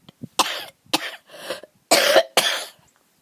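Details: Adult woman coughing outdoors while filming her garden on a sunny spring day; a bout of five short, harsh coughs in quick succession, some with a throat-clearing quality.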